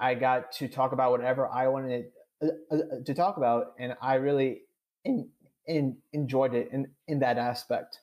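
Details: Adult man with stuttering; real, unscripted conversational speech; finding: stuttering.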